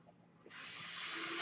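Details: Mechanical ventilator airflow: a near-silent start gives way to a sudden, steady rush of hiss as the person's own ventilator delivers air while they record a podcast.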